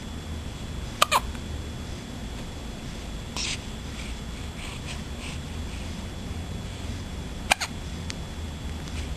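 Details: Three abrupt, sharp hiccup clicks a few seconds apart over a steady, low background hum; hiccups.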